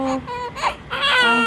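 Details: Short bursts of a clear, high-pitched, vigorous cry from a newborn weighing 3.1 kg just after a normal vaginal birth.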